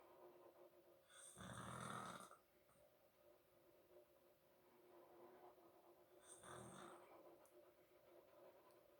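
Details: Two loud, rough snoring breaths a few seconds apart over quiet room noise from a sleeping father; ordinary snoring.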